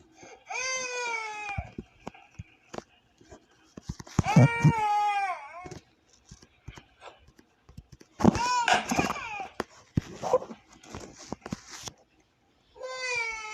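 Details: Baby crying sound effect: repeated high wailing cries with gasping breaths between them, the ordinary cry of an infant.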